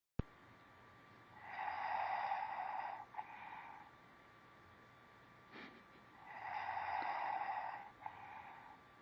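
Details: Loud snoring heard on waking: two loud, rattling snores on breathing in, each followed by a softer breath out, about 5 seconds apart; snoring.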